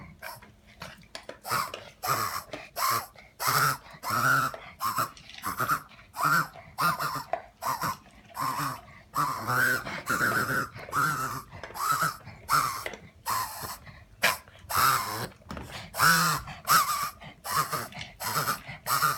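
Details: A dog wheezing at night: rapid, noisy breaths with a whistling, musical edge on each cycle; wheezing.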